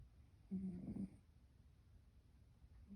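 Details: Sleeping rescue cat, possibly dreaming: a single soft, low rumbling snore about half a second long over quiet room noise.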